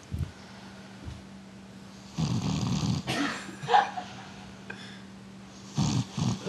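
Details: A woman who fell asleep after a long night of New Year's Eve partying; snoring breaths over a low steady room hum, with a few brief noises in between.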